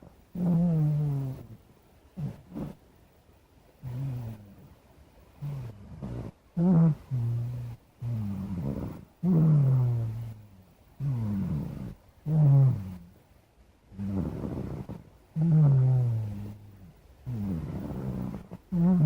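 Loud, low, rumbling snores with each breath, roughly 19 a minute, some with a growling quality.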